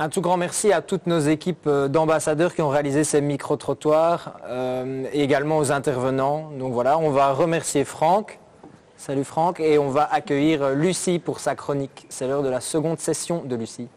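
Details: Adult male speaker; normal voice.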